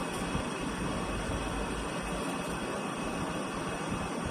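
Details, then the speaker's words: Home BiPAP machine just switched on after setup, respiratory rate set at 16, no patient attached: steady rushing blower airflow hiss. "यहां से देखिए यह अपनी air start हो गया है।"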